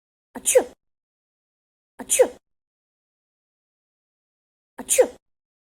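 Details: Sneezing: three identical short sneezes with a rising squeaky pitch, spaced a couple of seconds apart.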